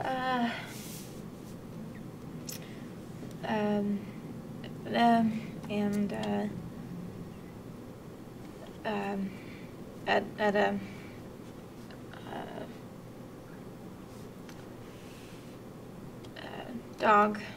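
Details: Patient with severe transcortical motor aphasia, an acquired language disorder, attempting to describe a picture; transcortical motor aphasia.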